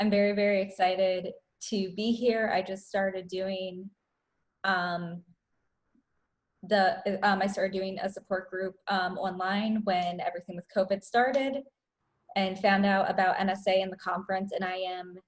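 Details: Woman who self-identifies as a person who stutters, speaking at a stuttering association online open mic; real, unscripted speech showing stuttering.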